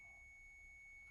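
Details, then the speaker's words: Training AED during a CPR class demonstration: a steady high-pitched tone sounds as the voice prompt says to press the orange shock button, after analysis and charging with pads attached; shock delivery tone. "전기적인 충격이 가기 때문에 물론 제세동 실시하세요. 주황색 충격 버튼을 지금 누르세요."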